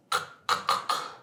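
Four quick, noisy snorting gasps in a row, an adult's imitation of a child's obstructed, broken-up breathing in sleep.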